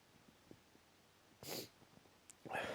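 Quiet breathing, then a sharp burst sneeze followed by the start of a second sneeze, consistent with allergic sneezing.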